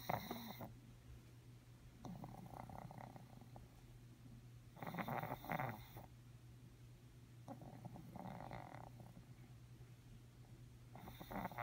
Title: Pug snoring